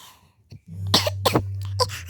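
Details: Short run of harsh coughs with throat clearing over a steady low hum, heard during a game video: cough.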